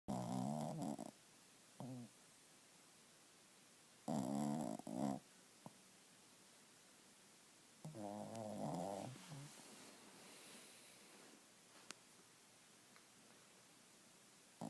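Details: Shih tzu dog snoring; three loud, rattling snores about four seconds apart with quiet pauses between.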